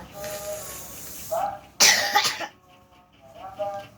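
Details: Cough with a cold (cough and runny nose, hoarse voice) during Quran recitation: the sung recitation breaks off for two or three harsh coughs, then resumes.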